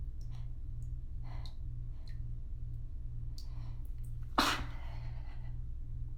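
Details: Sneeze fit at home after holding sneezes back for a while during an outing, near running bath water: a few soft catching breaths, then one loud abrupt sneeze in a small echoey room.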